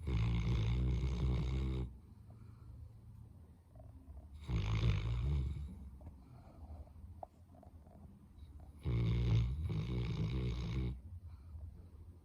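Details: Labrador dog snoring: loud, low, rattling snores about two seconds each, quiet pauses between; three snores, about 15 a minute.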